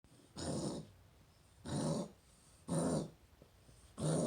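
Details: Dog coughing: four harsh, noisy, growl-like expiratory bursts about a second apart.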